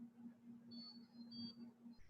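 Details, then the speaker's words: Simulated ventilator circuit disconnection (orotracheal tube disconnected from tubing) during invasive ventilation monitoring: tidal volume drops; high electronic alarm tones over steady low hum; ventilator patient-disconnection alarm. "e inmediatamente cae volumen tidal y nuestro ventilador nos da una alarma de desconexión de paciente."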